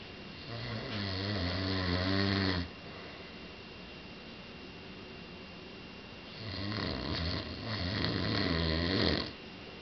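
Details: Man snoring, so loud it was mistaken for a bear in the house: two long, loud, buzzing inhaled snores about seven seconds apart with quiet breathing between.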